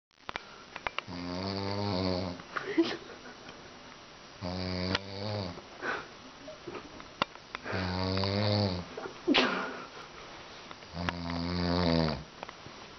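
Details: Man snoring extremely heavily: loud, buzzing snores on each inhalation, with snorts and clicks between, about 18 a minute.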